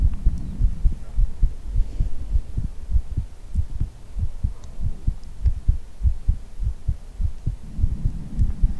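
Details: Heartbeat ASMR recording made close up for a simulated head hug: steady, muffled low thumps at about 100 a minute under a soft hum; a normal heartbeat.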